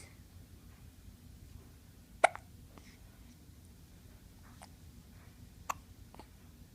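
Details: Two sharp, brief hiccups a few seconds apart against quiet room noise; ordinary hiccups.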